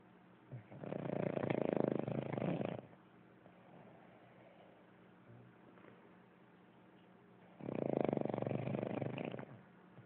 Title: Snore bird